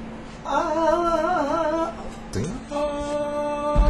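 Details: Woman with spasmodic dysphonia producing a higher-pitched sustained 'ah' during a clinical examination; the muscles around her vocal folds repeatedly contract and relax, shaking severely.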